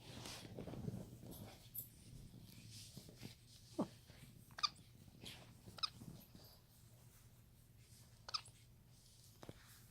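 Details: Baby capuchin monkey, just starting to become mobile and mouth things, with hiccups: several brief sharp squeaky hiccup sounds at irregular intervals in a quiet room.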